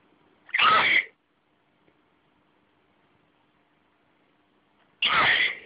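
Two forceful sneezes about four seconds apart in a quiet room, part of a repeated sneezing fit.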